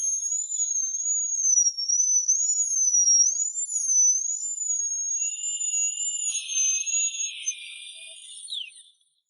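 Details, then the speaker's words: High-speed dental drill sectioning the deep root of a horizontally impacted wisdom tooth in two after crown removal: a thin, high-pitched wavering whine rising and dipping under load. "Comparison of deep root ambush The doctor decided to split the root part in two"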